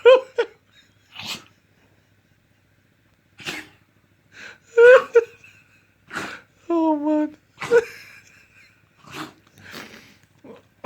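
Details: Dog sneezing repeatedly, reportedly healthy: about eight short, sharp, explosive sneezes at uneven intervals, with a brief whine, human voices and laughter.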